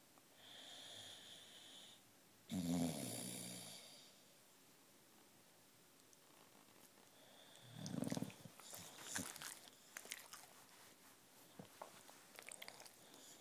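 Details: Two rough, noisy breaths several seconds apart from a sleeping Boxer dog with tongue sticking out, faint room noise: snoring.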